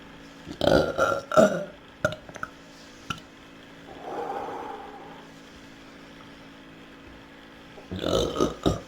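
Several short belches in quick succession near the start, a soft breathy sound midway, then another cluster of burps at the end.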